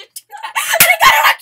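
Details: Young woman's "Pikachu" sneeze: a short, squeaky, high-pitched voiced burst with an abrupt sharp release; a sneeze with an unusually tonal, squeaky quality.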